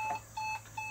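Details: Weinmann Medumat portable ambulance ventilator connected to the vehicle's mounted oxygen cylinder: repeated short electronic alarm beeps.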